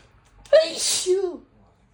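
A single quick, high-pitched sneeze, a sharp voiced burst followed by a hissing release, from a cat.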